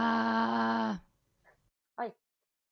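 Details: Patient with a haemorrhagic polyp on the left vocal fold, an oedematous lesion on the other fold and incomplete glottic closure; rough, noisy voice with two simultaneous tones and somewhat abrupt onset: dysphonia with roughness and diplophonia.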